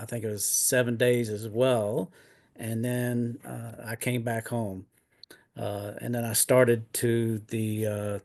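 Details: Adult man with aphasia after two mini strokes in 2016; now retired and disabled.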